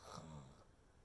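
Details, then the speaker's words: Brief, low, strained snort-like throat noise by a 28-year-old overweight (250 lb) CPAP user with sleep apnea, imitating airway collapse then choking awake; obstructive sleep apnea imitation. "and then you stop breathing and then you choke yourself awake like but not maybe that dramatic"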